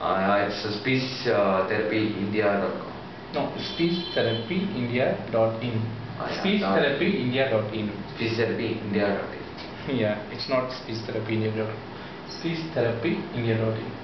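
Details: Adult male speaker; typical adult male voice.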